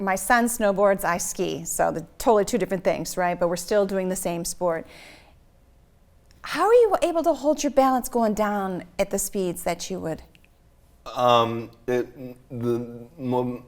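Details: Adult woman speaking; normal speech.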